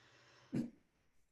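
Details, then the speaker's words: Adult with Tourette syndrome: two brief throat-clearing or cough-like bursts separated by a pause, a simple vocal tic. "that's literally most of things that I have to deal with is just answering people's questions and just letting me know it's like yep that's me making the noise like a transiting room this is my normal you know"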